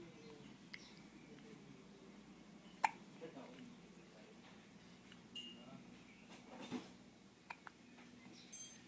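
Soft room noise with a few brief, abrupt gulping catches, the clearest near the start, consistent with hiccups.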